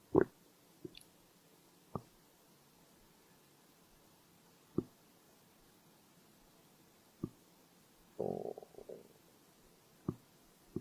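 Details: Stomach growling (borborygmi): scattered short gurgles and one longer rumble in a quiet room; hunger-related gut sounds.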